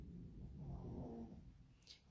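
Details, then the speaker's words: A single low, rumbling snore from a sleeping dog, with a faint click near the end: dog snoring. "you will find the dog is snoring that is not me making that noise"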